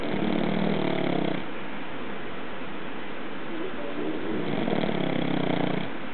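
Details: Snoring: a low rumbling snore on two breaths, around 15 breaths a minute, in a muffled recording with steady background hiss.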